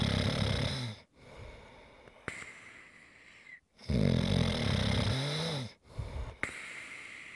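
Low rattling snores with snorting and a whistling edge on some breaths, separated by short pauses and quieter breathing.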